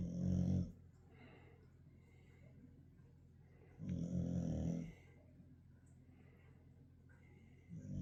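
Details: Low rumbling snores from Sasha, a sleeping dog, with three loud bursts in eight seconds and quieter breathing between: ordinary sleep snoring.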